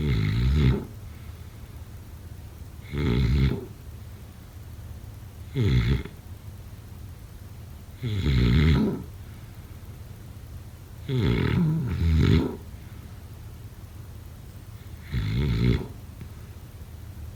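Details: Low, rattling snores with each in-breath, about 21 a minute and somewhat uneven, over quiet room noise during sleep: snoring.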